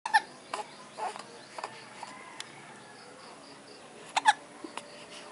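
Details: Infant's first hiccups, with the mother present: faint, quick catching sounds repeating at intervals over steady room noise.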